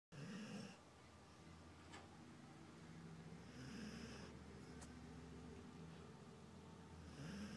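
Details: Sleeping dog lying in odd positions, snoring quite loudly: slow, rumbling snores on each breath at about 17 a minute; ordinary snoring.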